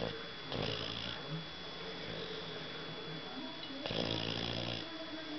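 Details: A sleeping dog snoring: two slow, rough snoring breaths over steady room noise.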